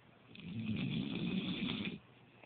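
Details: Adult asleep on the couch, said by another person to snore: a single drawn-out, low, fluttering snore lasting about a second and a half.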